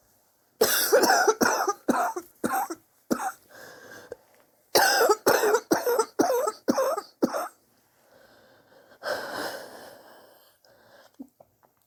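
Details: Two runs of six to seven harsh, wet-sounding coughs, then a wheezy drawn breath, from someone coughing for weeks and sore from it; chest X-ray pending to check for pneumonia; suspected bronchitis.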